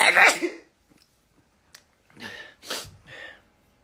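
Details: K-pop performer who had just said they had to sneeze: a loud explosive sneeze-like burst, a pause, then three short throaty bursts. Sneeze followed by coughs.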